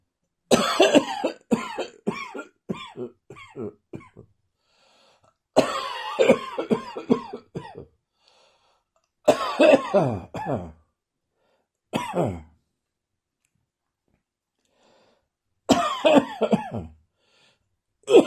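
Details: Dry morning cough: repeated bouts of short, sharp, dry coughs in rapid clusters, with quiet pauses between fits.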